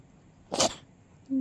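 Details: A single sharp, hissy sneeze from a sleepy rescued stray kitten, then a brief soft vocal sound; an ordinary sneeze.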